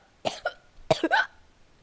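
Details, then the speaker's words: Person playing a video game: two short, sharp coughs in quick succession, an ordinary cough. "the hiccups and I just coughed and that that didn't go very very well"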